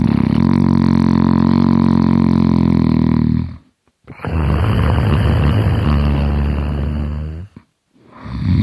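Loud, deep, rattling snores during long breaths in, with short pauses between; heavy snoring.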